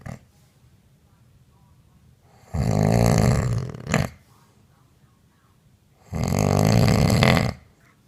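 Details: Woman snoring in her sleep, recorded by her partner on a mobile phone: very loud, harsh snores with a short snort between them, separated by quiet gaps of a few seconds.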